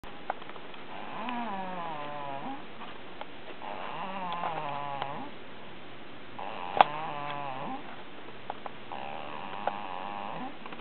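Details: Person snoring: four slow, drawn-out snoring breaths with a nasal, whistling tone in a quiet room, with a few faint clicks in between.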